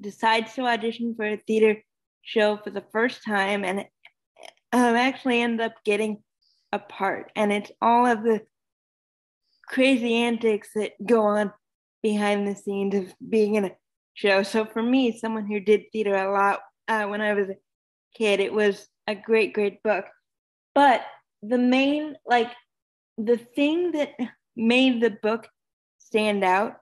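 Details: Adult speaker; ordinary speech.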